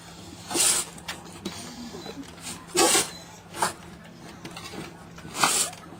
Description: chihuahua dog sneezing